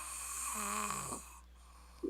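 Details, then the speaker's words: Snoring: a deeply asleep male who won't wake when called, giving a single rattling, throaty snore over steady room hum. "You know what his snore sounds like? It just popped in there. It sounds like fucking Smeagol. Low key sounds like Smeagol."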